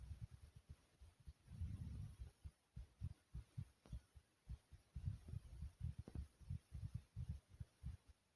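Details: A person's own heartbeat, smooth and soothing: soft, regular low thumps in paired beats at about 100 a minute, with a faint steady hum behind them; a normal heartbeat.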